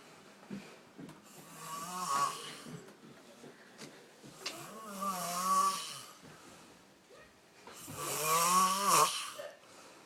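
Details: Boyfriend snoring in sleep, about to wake up: loud, rattling snores on each in-breath, about 18 a minute, in a quiet room; ordinary snoring.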